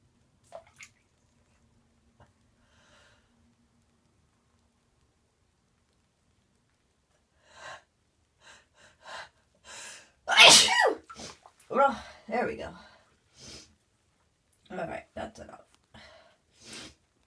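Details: Sneezing at bath time, thought to be an allergy to new bubble bath: after a false start, sniffing and catching inhalations build to a loud sneeze, followed by more snorting breaths and sniffs.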